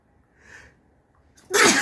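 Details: A quiet in-breath, a pause, then one loud explosive sneeze.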